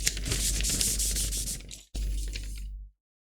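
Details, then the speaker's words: Coarse scratchy rubbing for about three seconds, an imitation of a pleural friction rub from inflamed pleura, like two sheets rubbing together, during a lung auscultation lesson. "después otro ruido también que se puede escuchar sería un frote plural ido se da por este la inflamación de las pleuras como Si estuvieran rozando dos hojas creo que"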